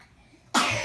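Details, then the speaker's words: Cough: a quiet room, then one sudden loud cough burst that the recording cuts off. An adult asks a boy whether he is okay and done coughing. Recorded January 29, 2016. "you true are you okay are we done coughing you think no yeah probably not you okay buddy oh my gosh"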